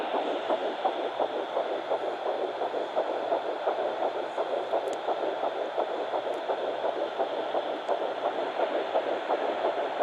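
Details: Home fetal Doppler at 9 weeks 6 days, twin Baby A found on the mother's left side after days of searching: fast, regular whooshing pulses about 170 a minute over steady hiss: fetal heartbeat.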